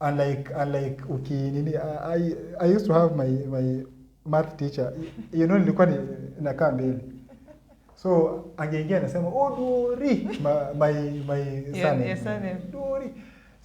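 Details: Adult man who stammers, describing blocks when starting and sustaining conversation; stuttering.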